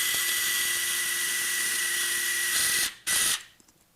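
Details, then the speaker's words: Surgical power drill driving locking screws, unicortical distally, into bone through a posterior fibula plate during ankle fracture fixation: steady high-pitched whine, brief stop, then a short final burst before silence. "next I will fixate dist with locking screws"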